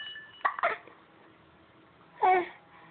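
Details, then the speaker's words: Hiccups: three short, abrupt voiced catches with quiet gaps in a small room; hiccups. "Really? Are you pissed off at the hiccups? Say, Grandpa Marty, it's all your fault."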